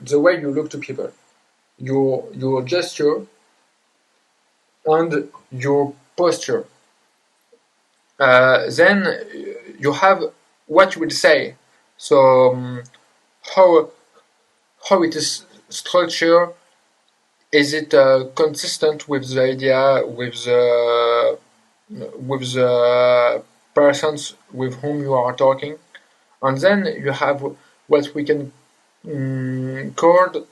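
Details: Adult man who grew up with severe stuttering plus dysgraphia, dyspraxia and ADHD, speaking English with word repetitions and hesitations: stuttering.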